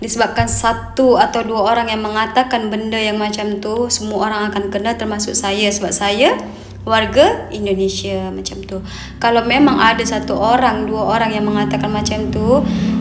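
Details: Adult woman speaking; Normal voice.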